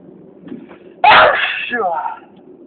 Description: A new video with a lot of sneezes..I thought to sneezing to infinity..